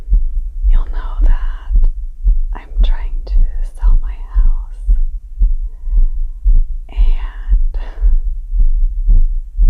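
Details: Adult's own pounding heartbeat recorded after yardwork, described as about 120 BPM: strong, regular thumps at about 115 a minute under soft ASMR whispering; sinus tachycardia after exertion.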